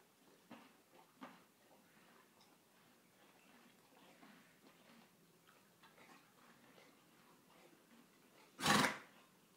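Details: Pet on day 8 of a cough: a quiet room with soft taps, then one sharp, harsh cough near the end.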